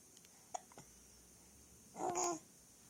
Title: Baby hiccups